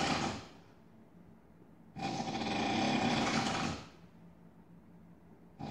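Loud, harsh, rattling snores lasting about two seconds each, with quiet pauses between; a rough, grinding, machine-like quality.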